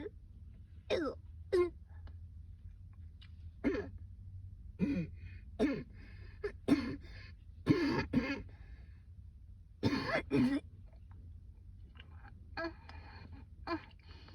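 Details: Woman's persistent coughing fit on a rooftop, severe enough she couldn't go back to work: repeated harsh coughs and throat-clearing bursts, about a dozen in fourteen seconds, over low wind or traffic noise.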